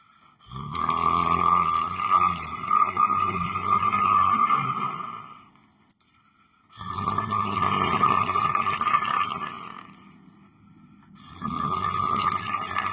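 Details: Person sleeping while sitting in a chair, snoring: long, rough, droning snores, each lasting several seconds, separated by brief quiet gaps, with a steady tone running through each one.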